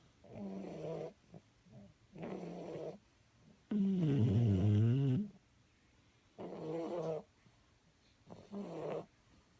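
Loud, rumbling, buzzing snores come with each breath, separated by quiet pauses; heavy snoring from a sleeping dog.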